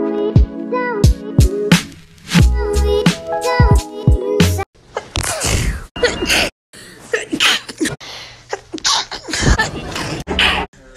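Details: Sneezes from one person, recorded over a whole year: several abrupt sneezes and voiced sneeze sounds in quick succession, with music and snippets of other sounds mixed in.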